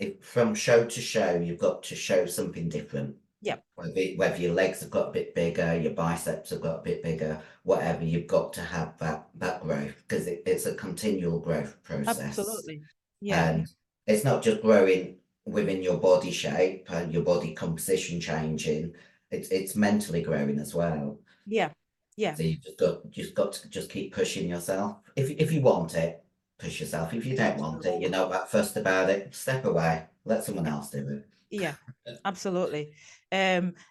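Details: Adult female bodybuilder with androgen-induced voice deepening (virilization) after large doses of male steroids (performance-enhancing drugs). Her voice was formerly high-pitched and is now very deep, and she can no longer sing. She also has chronic kidney disease and past liver damage.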